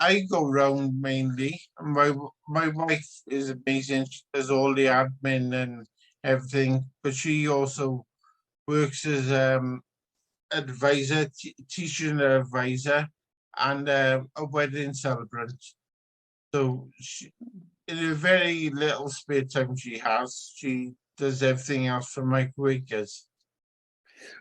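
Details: Adult man with spinocerebellar ataxia type 14, shared with his brother; his consultant noticed something wrong as soon as he started speaking; ataxic dysarthria.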